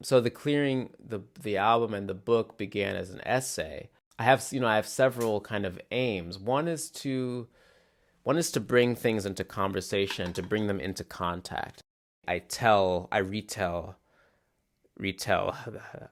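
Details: Adult male musician who stutters, mainly with glottal blocks that are often silent, plus repetitions; stuttering.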